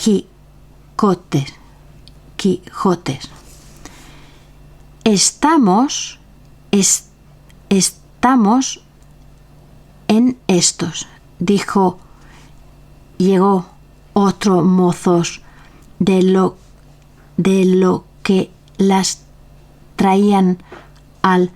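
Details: Real adult with aphasia, a member of a Spanish aphasia association, reading a classic Spanish literary text aloud in Spanish in a prerecorded reading; aphasia.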